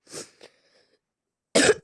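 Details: Two short coughs, the second harsher and louder, separated by a pause, from a speaker who says they are ill: a plain illness cough.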